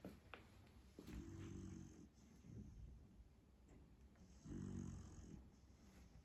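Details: Low, rattling snores from a sleeping beagle in a quiet home office: two longer breaths with quieter, noisy breathing between.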